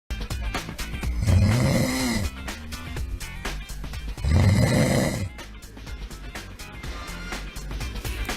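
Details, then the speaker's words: Snoring: two loud, low, rattling snores about three seconds apart over background music, illustrating snoring during naps or night sleep in a health segment on snoring and sleep apnea. "ruido tan molesto y a la vez tan común verdad y en no escuchado a alguien roncar cuando echa la siesta o cuando está durmiendo por las noches"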